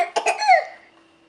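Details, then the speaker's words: An infant gives a brief double cough running into a short voiced sound; the caregiver calls it a bad cough. Coughing. "oh my goodness do you have a bad car oh that's a bad cough oh oh such a bad car"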